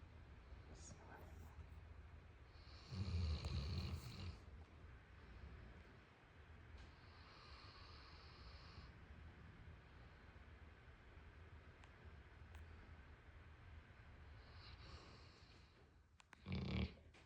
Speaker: I see you, honey. He's snoring.